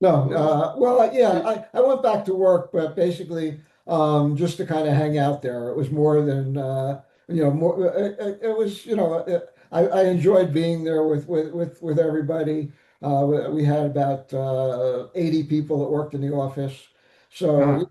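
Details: Aphasia after stroke in an adult male survivor (older father of an adult son).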